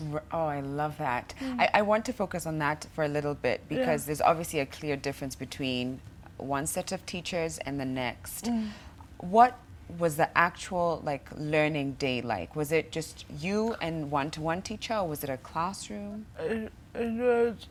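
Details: Adult host; typical speech.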